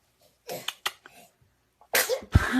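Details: Newborn baby sneezing: several short, high, bursting sneezes; frequent sneezing in newborns is a normal way of clearing the nose.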